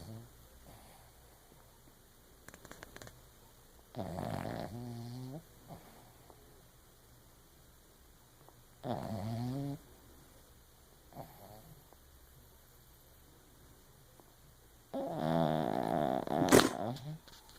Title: Funny snoring